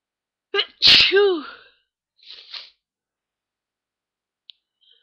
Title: a few more sneezes and blowings